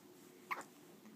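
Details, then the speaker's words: Small male animal getting hiccups just after eating a little: one soft, brief hiccup over quiet room noise. "little guy just ate a little bit hey oh and he seems to be getting hiccups huh you got the hiccups yeah"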